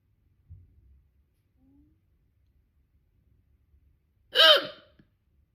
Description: Terrible hiccups! They were so loud and wouldn’t go away when I held my breath.